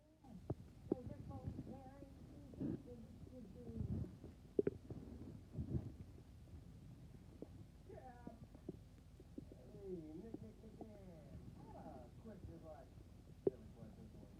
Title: My stomach growling